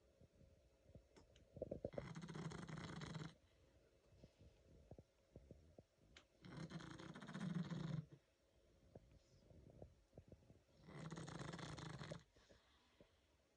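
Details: Female pug almost 11 years old, sleeping: loud, rattling snores in three long bursts with quiet pauses between.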